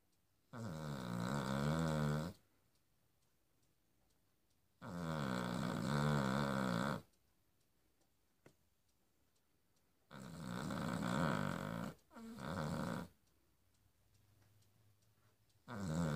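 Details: Cavalier King Charles spaniel snoring while asleep: loud, rattling snores on each in-breath about every five seconds, quiet pauses between.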